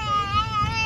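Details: A very small baby riding in a car, said to be trying to talk and join in: a sustained, steady voiced sound over low car noise; ordinary infant vocalization.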